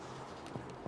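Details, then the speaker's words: Pediatric abdominal percussion ascending from the right lower to the right upper quadrant to check for hepatomegaly: two soft finger taps where the tympanic note turns dull, marking the lower liver border. "transition between a tympanic and dull percussion tone marks the lower border of the liver"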